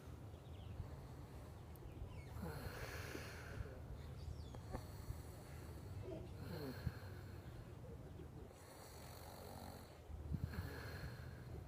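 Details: Adult man snoring while asleep: three rough, rattling inhaled snores recurring about every four seconds, roughly 15 breaths a minute, over steady low room hum.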